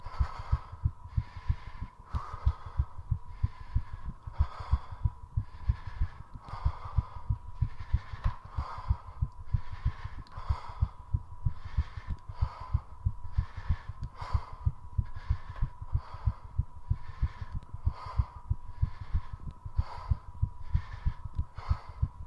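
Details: Heart rate rising during 3.5 minutes of squats done to push it as high as possible: rapid, regular heartbeat thumps with loud, quick breaths, a normal exertional tachycardia.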